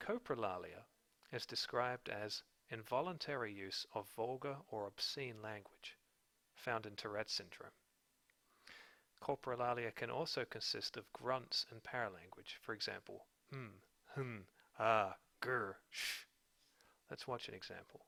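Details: Adult male narrator; Narrator speech.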